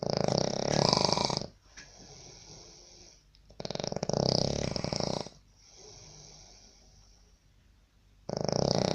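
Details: Sri Lankan person snoring in a labour camp room in Baniyas, Abu Dhabi, UAE, disturbing roommates: loud, rough, rattling in-breath snores about a second each, roughly two cycles in nine seconds; heavy snoring.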